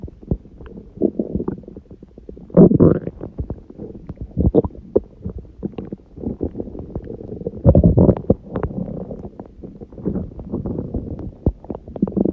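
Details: Stomach growling recorded at 1:30 a.m. after eating too much udon at 19:30, the first gluten in a while; bursts of bubbling, gurgling rumbles rising and falling over several seconds, ordinary borborygmi from gas and fluid moving.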